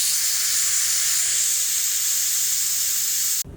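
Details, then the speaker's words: Draining the 5-liter compressor tank of a veterinary dental cart through its bleed valve: steady loud hiss of escaping air for about three seconds, then cut off. "this is the bleed valve for the 5-liter compressor tank valve in order to drain the tank after use you have to twist this making sure not to twist it too far or else it'll come out"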